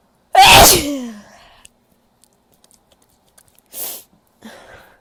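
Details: Female, loud powerful sneezes: a single loud, forceful voiced sneeze, then a quick sniff and a short breath a few seconds later.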